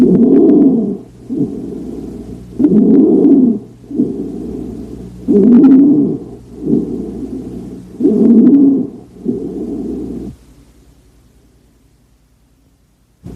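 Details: Inspiratory stridor heard on auscultation over the trachea, a breath sound.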